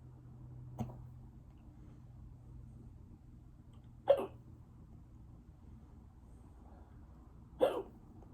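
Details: Three short, sharp hiccups a few seconds apart in a quiet room.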